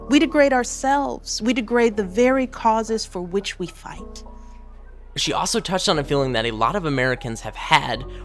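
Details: Adult women speaking, two voices; ordinary speech.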